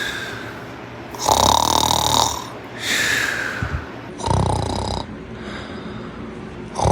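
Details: Loud rattling, buzzy breathing noises in irregular bursts, some with a whistling edge, over quiet room noise; snoring.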